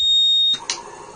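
A single steady high-pitched electronic beep, a ventilator alarm alerting the attendant to a problem.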